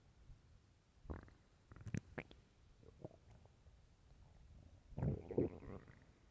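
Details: Loud stomach growls recorded for headphone listening: soft gurgles and squeaky bubbling bursts over quiet hiss, gas and fluid moving through the gut; stomach growling (borborygmi).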